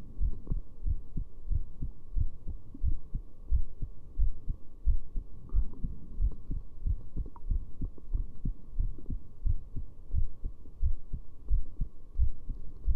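Steady low thumping heartbeat at about 88 beats a minute with a faint background hum.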